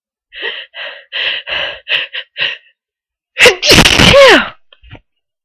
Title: 3 breathy powerful sneezes